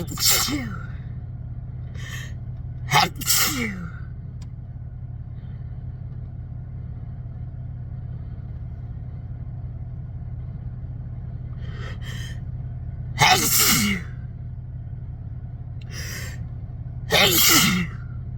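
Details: Compilation of induced sneezes, some restrained and some into tissues but mostly ordinary, each with a short intake of breath before, over low room hum.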